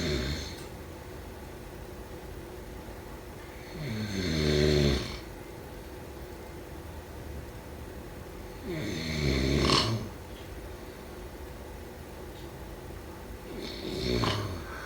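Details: Three low, vibrating snores at about 12 breaths a minute, with quiet room hiss between; snoring during sleep.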